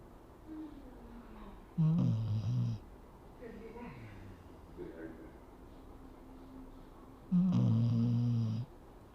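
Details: Dog snoring: two loud, low, rattling snores about five seconds apart, with quiet breathing between them.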